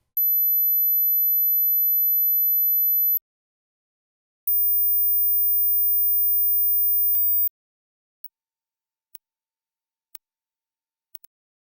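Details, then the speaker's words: Hearing test: two long, very high-pitched steady tones above 8,000 Hz, second higher, then faint ticks; such frequencies are lost with age-related hearing loss. "so how many of the following sounds can you hear how old are your ears okay if you can hear 8,000 Hertz you're both alive and not hearing impaired but let's keep raising the frequency"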